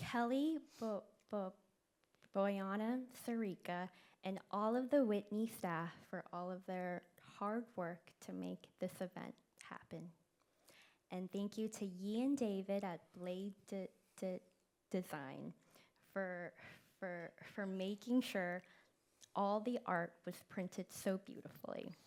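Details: Event co-host who stutters, speaking live; part-word and word repetitions; stuttering.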